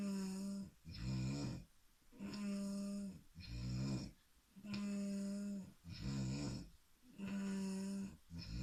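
Loud rhythmic snoring, a low buzzing rattle on each breath, about 14 breaths a minute in a quiet room.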